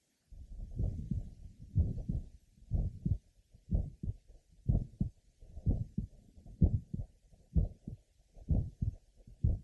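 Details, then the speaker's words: Apex recording, about 63 beats a minute, in a patient with mitral valve prolapse and atrial septal defect: a grade 3 systolic murmur in the last half of systole, a late systolic murmur. "now let's listen to one more patient having mitrov valve prolly and an atrial sepal defect first at the Apex note a Grade Three systolic merma in the last half of syy"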